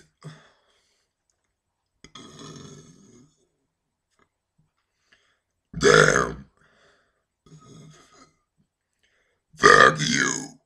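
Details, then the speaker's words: Deliberate, voluntary burping that forms English swear words: two loud burps with quieter throat sounds between them; burping. "hello today I'm going to make some English bad words burping as some of you ask I'll start [ __ ] that was the first one"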